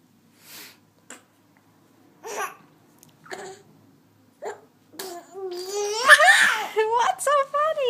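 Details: Several short, sharp hiccups about a second apart, followed by bursts of giggling laughter from a 6-month-old baby; hiccups.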